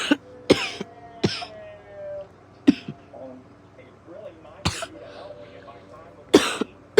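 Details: Five sharp, forceful, dry-sounding coughs spaced over several seconds in an exhausted person, with faint voice and low room noise between; cough.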